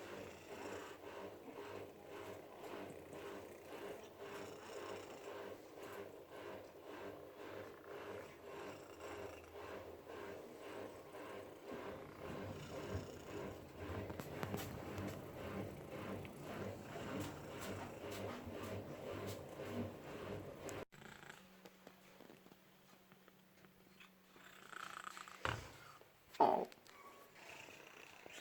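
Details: Shelter cat: steady low purr with soft rhythmic snoring at the same time, then quieting into room noise with brief rustles.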